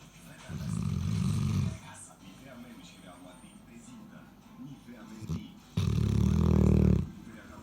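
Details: Eleven-month-old female Cane Corso asleep and snoring very loudly: deep, rumbling snores on two breaths, several seconds apart, with quiet between.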